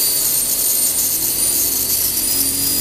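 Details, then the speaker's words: Steady high-pitched whine with hiss from a standard 20 W NSK PanaAir FX dental air turbine handpiece drilling under pressure, pitch sagging as speed falls; dental air turbine handpiece drilling. "seperti itulah sudah kira-kira nih suaranya cepet-cepet menurun hehe Hai ada suara berganti itu artinya kecepatannya menurun ya"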